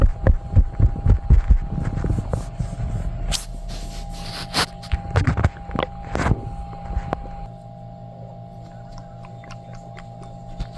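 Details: Loud sloshy stomach noises after drinking milk and eating cheesy foods: irregular low gurgling and sloshing rumbles, busiest at first then fading, over a steady hum; borborygmi.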